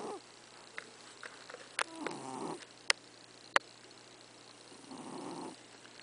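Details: Pet cat snoring while asleep.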